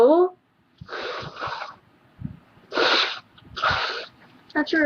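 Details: Woman with a headache and sore nose producing several breathy, hissing bursts in quick succession with brief voice around them; repeated sneezes.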